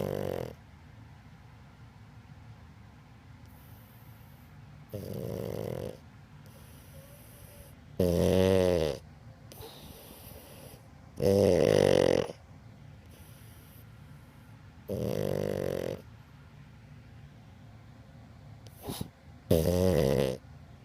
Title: Sheldon snoring! (Pug)